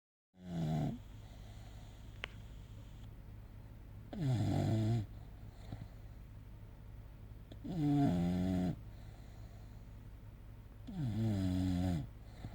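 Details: An English bulldog napping with very loud snoring: four loud, rattling snores, about 17 a minute, each with a rising groaning tone, in a quiet room.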